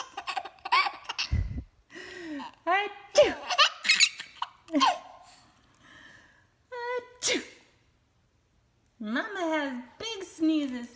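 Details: An 8.5-month-old baby girl gives a few short, sharp sneezes mixed with high-pitched giggles and squeals: ordinary infant sneezing.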